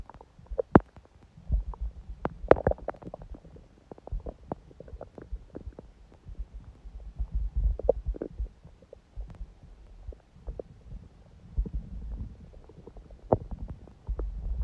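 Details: Quiet, gentle bowel sounds from the belly: soft irregular gurgles, clicks and low rumbles. Recorded on a day after a morning smoothie and salad, when hunger and digestion sounds stayed faint.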